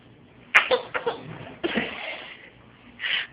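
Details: Deliberately faked, imitated sneezes: several short, sharp bursts of breathy noise like quick sneezes, then a longer exhaled hiss, answered with "bless you."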